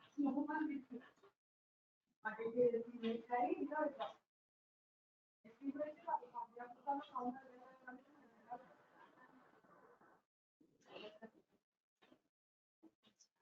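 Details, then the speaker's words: Laryngectomy patient speaking with an electrolarynx held under the chin: speech in bursts carried on a flat, unchanging mechanical buzz with little pitch variation; electrolarynx speech. "este aparato vibra y esa vibración se transforma en voz y aquí tengo un vídeo para que veáis también un ejemplo de cómo suena este tipo de voz"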